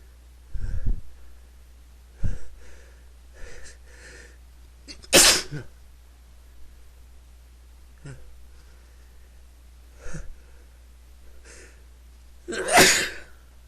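Two forceful sneezes about seven seconds apart, with quieter breaths and sniffs between them; repeated sneezing.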